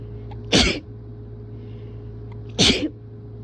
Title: Strong wet rapid sneeze and nose blow